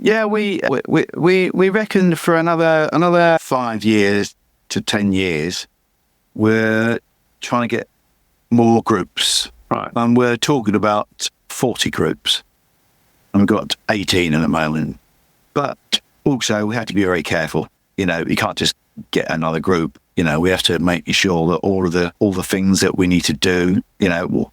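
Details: Adult man with chronic aphasia after a massive stroke about 11 years earlier; he still cannot read or write and says his speech is not great; repetitions heard; aphasia.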